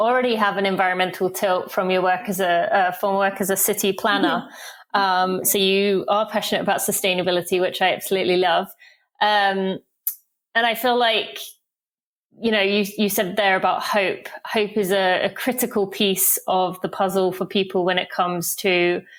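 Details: Adult woman speaking; normal speech.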